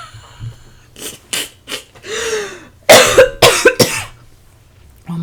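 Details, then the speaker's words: An adult gives a short run of dry coughs while talking, a few soft ones followed by several louder bursts. "my god, I'm coughing."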